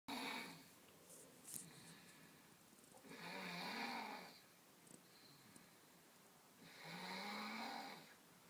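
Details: Child asleep after a tiring day playing outside, snoring loudly: rhythmic rough breathing about 16 a minute, each a long rattling snore on the in-breath.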